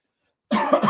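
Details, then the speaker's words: Adult coughing: brief silence, then a single short, harsh cough. "Excuse me. That went down the wrong way."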